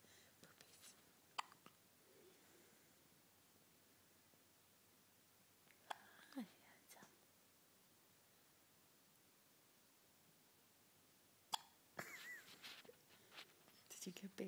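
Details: Newborn on day 4 of life with hiccups for the first time, in the morning: a few soft, sharp catches spaced seconds apart in a quiet room, with small fussing sounds. Infant hiccups.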